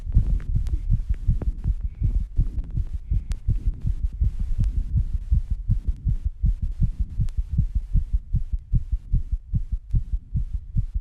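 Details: Fast, steady, low thumping heartbeat with heavy breathing, recorded right after rebreathing and squats: rapid heartbeat after exertion (sinus tachycardia).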